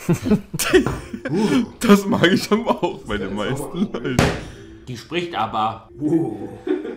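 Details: Adult speaker; normal speech.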